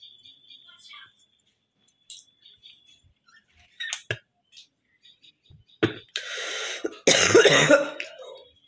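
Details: Woman with a cough and long-standing phlegm: a few throat-clearing sounds, then harsh rough cough and hawking bursts clearing phlegm from the throat; productive cough with throat clearing.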